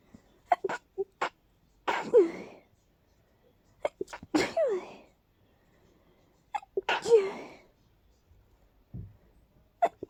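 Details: Powerful, stuffy, partly stifled sneezing fit during an allergy flare after a day of nasal stuffiness: three sneezes, each preceded by quick sniffing breaths.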